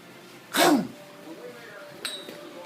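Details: Human imitation of a cat's hiccups, made to show a vet after the cat hiccupped only a few times; the owner wondered whether it was choking. One sharp, breathy burst with a brief falling squeak, then a faint click.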